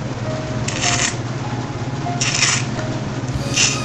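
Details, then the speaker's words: Pleural friction rub in pleuritis: superficial, grating rasp in repeated bursts, heard in both inspiration and expiration, louder with stethoscope pressed to chest wall, unchanged by coughing. "el frote pleural es un sonido ras superficial que se origina por el r de las ambas pleuras en Casos de pleuritis O pleuresía sí se ausculta en ambos tiempos y se aumenta cuando uno presiona el fonendoscopio a la pared costal a la reja costal"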